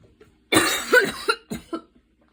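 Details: Evening asthma cough after walking and running outside in rain with intense breathing, inhaler used during recording: a harsh, prolonged cough burst followed by two shorter coughs.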